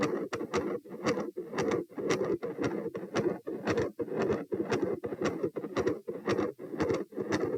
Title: Heart Sounds - Gradually Appearing Continuous Machinery Murmur, Some Electrical Disturbance